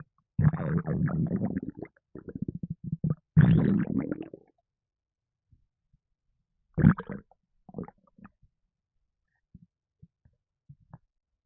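Low gurgling, rumbling and sloshing bursts with gaps between them: stomach rumbling after a fizzy drink.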